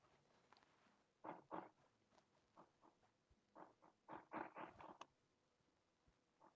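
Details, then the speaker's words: Fine crackles (fine-bubble rales) in a syncope clinical case, heard at the end of inspiration: faint, quick crackling pops clustered late in breathing in, best heard with headphones. "se escucharon en la inspiración y en la inspiración al final de la inspiración van a escuchar estertores de burbuja fina"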